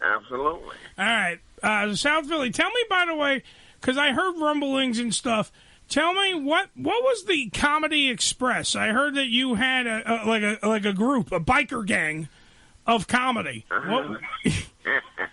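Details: Adult male speaker; normal speech.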